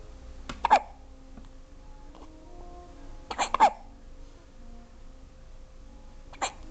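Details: Twin babies hiccuping alternately: brief, sudden infant hiccup sounds, about twenty a minute, in a quiet room; ordinary infant hiccups.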